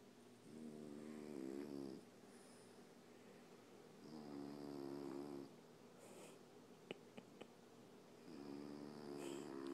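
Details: Soft snoring: three regular buzzing, fluttering breaths about every four seconds, with a few faint clicks between.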